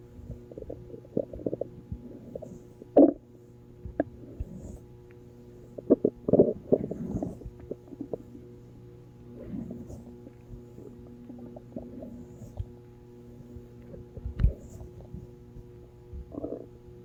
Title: Hope you guys didn't hear My Stomach growling